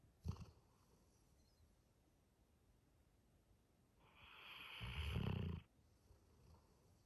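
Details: Sleeping Labrador Retriever: soft breathing with one deep, rumbling snore on an in-breath and a brief snort; dog snoring.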